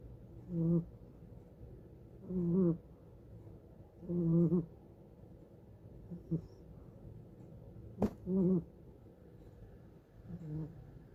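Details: Sleeping cat snoring: soft buzzing snores repeating about every two seconds, with a faint thump in between.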